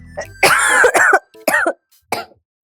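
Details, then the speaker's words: Acted coughs and throat-clearing from an adult in a Malayalam TV comedy scene, remarked on as whooping cough and attributed to getting caught in the rain the day before; a plain cough. "ചുമ, villain ചുമ, ഇതൊക്കെ വന്നാണ്ടല്ലോ പിന്നെ അങ്ങ് പോവത്തില്ല, ആ ജീവനാന്തം ഉണ്ടാവും."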